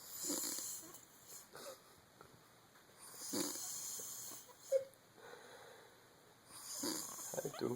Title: Ic weakness snoring